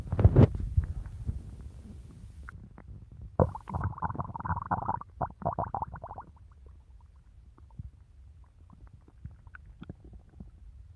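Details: Quiet low gurgles rising into a drawn-out rumbling growl, then fading bubbling: stomach growling in a woman eager to eat a cookie, as with hunger.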